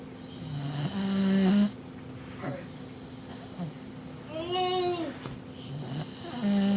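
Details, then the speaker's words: Family dog snoring while asleep: loud, vibrating snores with each breath, plus a whining, squeaky breath sound in a quiet room. "Max, are you sleepy? Oh my gosh, he's really snoring."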